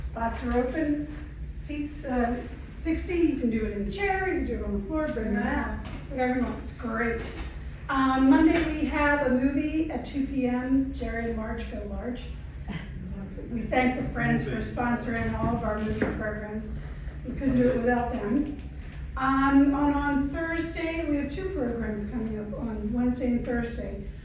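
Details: Adult woman speaking; typical speech.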